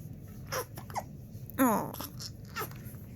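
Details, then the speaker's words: Short, soft whimpers and one brief higher fussy cry over quiet room noise from a two-month-old boy with hiccups, wiggly and kicking, possibly with tummy trouble; mild infant crying. "all right i don't know what he's upset about but i gotta fix it"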